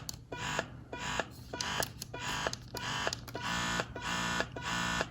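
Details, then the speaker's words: Wearable electric breast pump (Paruu) running in massage mode: rhythmic whirring motor pulses, roughly 100 a minute, audible even on the lowest setting. "it's going to make a little bit of noise at some point even on the lowest setting realistically it's going to make some noise"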